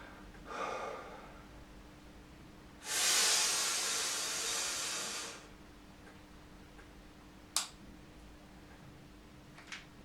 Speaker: so whichever device it is you ask them to prime it they take one expiration first and then the fast hard inspiratory flow to try and release the powder